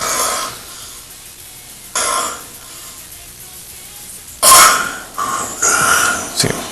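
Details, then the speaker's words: Sleep-institute patient wired with polysomnography sensors during a sleep study: harsh, irregular snoring bursts, a quiet pause with effort to breathe, then gasping snorts as the airway reopens; snoring with obstructive sleep apnea. "les queremos Mostrar aquel tipo de ronquido del sueño obviamente se produce durante el sueño que es el que nos debe preocupar"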